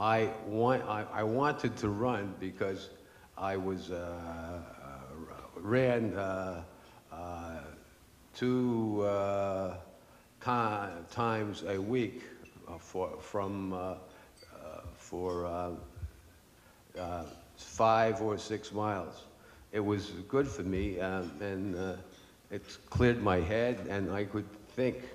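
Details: Adult man with aphasia after a stroke 10 years earlier, which he says made him lose his voice; aphasia.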